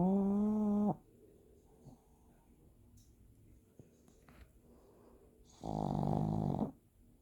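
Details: A sleeping pug puppy gives two loud, rattly snores about five seconds apart, with a quiet room between them; ordinary puppy snoring.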